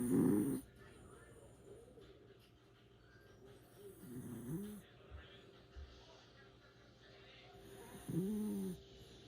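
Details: A pet dog snoring while asleep.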